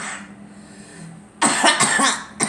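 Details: A girl coughs: after a quiet moment, a quick run of short coughs, with another starting at the end.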